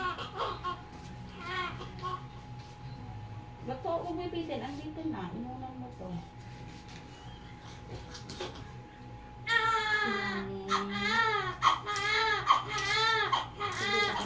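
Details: Full-term baby girl, 2.5 kg, just after normal vaginal birth in a delivery room: rhythmic, high-pitched wailing cries, with adult talk and faint music in the room.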